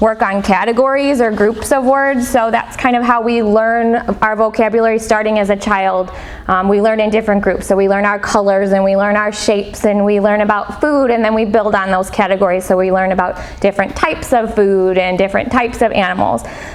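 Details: Adult woman speaking; normal speech.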